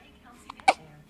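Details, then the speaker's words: Hiccups in a baby girl who has just woken: a single abrupt, sharp catch of breath with a small voiced squeak. "really has the hiccups brinley has the hiccups hi pretty girl you're awake you're awake"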